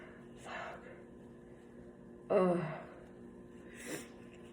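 A soft breathy intake, then one sharp voiced burst, then a quieter breathy exhale: a single sneeze.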